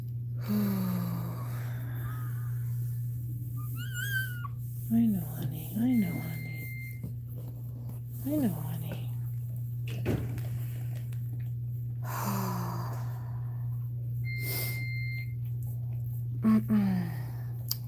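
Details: Two steady electronic beeps from an IV infusion pump on a dog in labor receiving fluids and calcium, with another dog whimpering nearby and a constant low electrical hum. IV infusion pump alarm.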